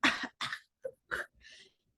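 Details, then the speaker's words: A child with croup (laryngotracheitis) gives several short, harsh, dry, guttural and very intense barking coughs; seal-like barking croup cough. "la tos perruna o de foca Entonces es una tos seca grut tural muy intensa Aquí está todos de foca cuando lo van a escuchar"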